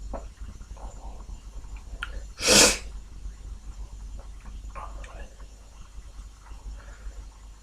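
A few soft sniffles and breaths, then one loud, sharp, unstifled sneeze.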